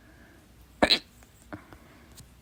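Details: A single loud, abrupt hiccup, then soft faint sounds and room hiss, from a stubborn, fast, late-night hiccup bout lasting 30 minutes, blamed on too much salsa; holding breath failed at first and worked on the fourth try; hiccup.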